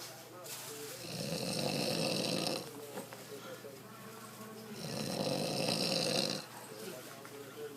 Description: The art of snoring.